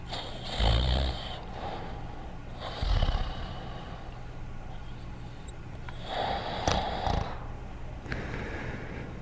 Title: Fafa the Explorer (1986-1989): Dogtanian Snoring Quietly in 1 minute and 54 seconds